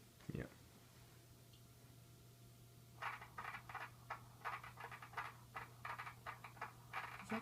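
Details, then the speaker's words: Ultrasound Doppler of a fetus measuring 10 weeks 4 days in a pregnancy at 10–11 weeks: rapid whooshing pulses about 150–158 per minute after a quiet start, a normal fast early fetal heartbeat. "yeah it's very fast i read that it's very fast when they're developing supposed to be like between 140 175 or something"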